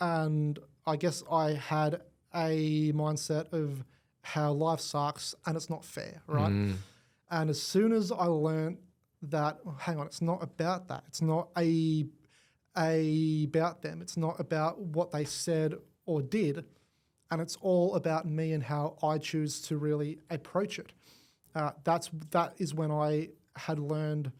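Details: Adult male with cerebral palsy affecting the left side of his body; stutter attributed to his cerebral palsy; stuttering.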